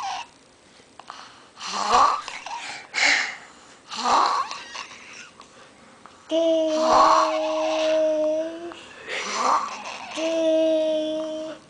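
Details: Snoring.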